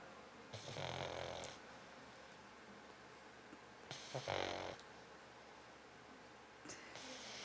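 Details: Pet pug snoring very hard while nearly awake: rough, rattling snores with long pauses between breaths, about 19 a minute, over quiet room noise.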